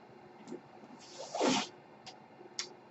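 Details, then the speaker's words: Noise of the podcaster's own home mechanical ventilator, which he points out while speaking: a brief airy whoosh with soft clicks as a breath is delivered. "My name is. That noise you hear is my ventilator."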